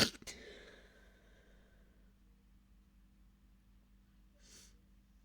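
A sharp, hissy burst at the start, then a short second puff after a quiet pause: stifled, held-in sneezes.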